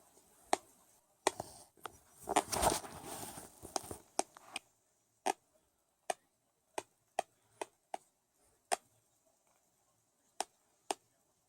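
Sharp tooth clicks and a brief rasping grind in a quiet room, consistent with teeth grinding.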